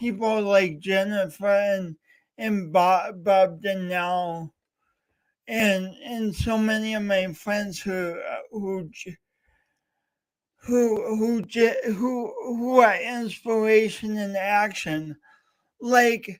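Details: Male host with a self-described speech impediment, coached by a speech coach for years, talking live for three hours straight as a challenge; stuttering (speech disfluency).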